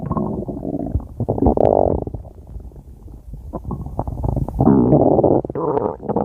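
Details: Loud stomach growling (borborygmi): gurgling, bubbling rumbles in waves with quieter gaps.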